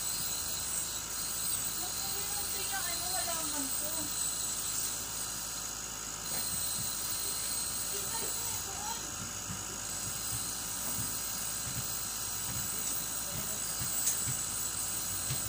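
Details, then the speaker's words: Nebulizer compressor running for a baby with asthma, doctor-prescribed treatment: steady hissing buzz throughout, with faint voices and background noise. "we're going to start giving my Sun an nebulizer"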